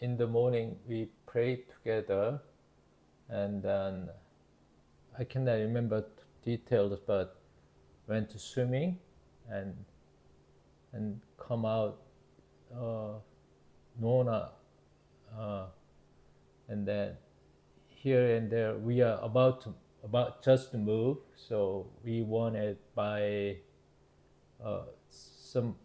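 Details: Adult male, 52 at onset, with Broca's (nonfluent, expressive) aphasia with word-finding difficulty after a left-hemisphere ischemic stroke in September 2023 from carotid artery dissection; Korean first language, English second; Broca's aphasia.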